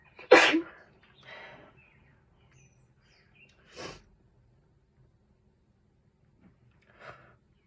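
One sharp, explosive sneeze followed by a few faint sniffs and breaths in a quiet room.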